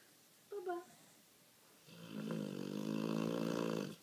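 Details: Sleeping dog snoring heavily while the owner tells him to stop: a brief voice, then a loud, sustained rattling snore with a buzzing, fluttering quality.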